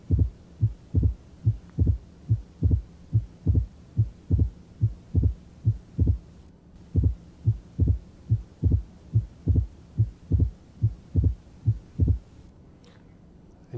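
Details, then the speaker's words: Simulator recording, not a real patient: opening snap 75 milliseconds after the second heart sound, regular rate about 71/min. "this is 75 milliseconds between the second sound and the simulated opening snap"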